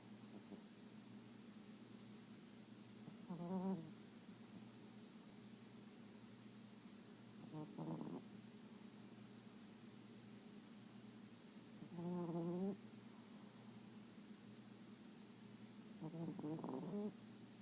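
Soft rhythmic snores about every four seconds, roughly 14 a minute, over steady room hum; light snoring during sleep.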